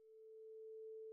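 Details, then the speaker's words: Rinne test, air conduction: a vibrating tuning fork first placed on the mastoid bone is held next to the patient's ear once the patient no longer hears it. A clean, steady pure tone. "as soon as the patient can no longer hear the sound hold the tuning fork next to the patient's ear"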